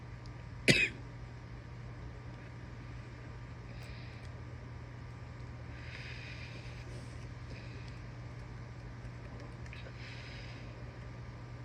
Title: wet coughing, heavy breathing and sniffles (f)